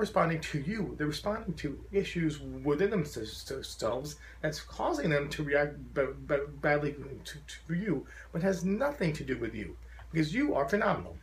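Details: Adult man who describes his stutter as very profound, wearing a SpeakEasy in-ear device while speaking to a stuttering support group; stuttering.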